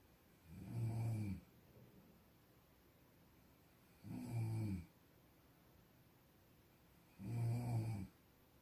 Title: 코고는 소리 - Sound of snoring